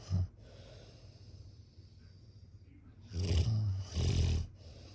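Low, rough rattling snores during sleep, with quieter breathing in between.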